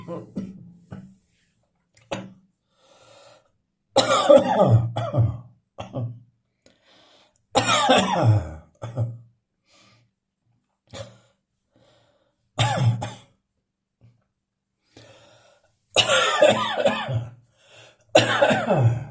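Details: An adult coughs repeatedly after accidentally inhaling talcum powder: harsh, forceful coughs in clusters, an irritant cough.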